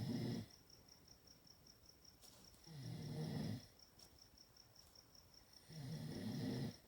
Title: Chihuahua Snoring